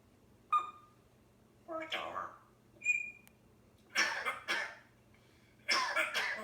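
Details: African grey parrot gives a couple of whistles and chirps, then harsh, noisy bursts imitating a human cough.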